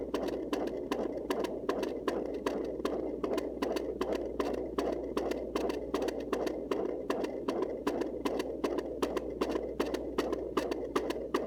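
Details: Fast, regular whooshing fetal heartbeat, about 150 beats a minute, recorded at home with a Sonoline C fetal Doppler.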